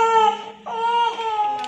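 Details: Sustained tonal crying in two drawn-out bursts from a fussy young child, sick two days with cough, cold and sneezing and eating poorly; crying.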